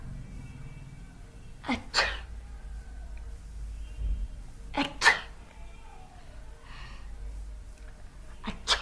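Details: Three sharp sneezes over about nine seconds, each with a brief indrawn breath, set off by sniffing a very small amount of sneezing powder sold as a remedy for colds, headache and drowsiness; quiet room.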